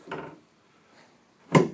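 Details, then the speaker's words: Chiropractic BioPhysics drop-table adjustment of a female patient's sacroiliac joint, with the thrust dropping straight down on the y axis. A soft knock, then a sharp wooden thud as the table section drops. "I'm adjusting now the x axis and the z axis as well as some of the y. Now on this one specifically, I'm dropping straight down on the y axis."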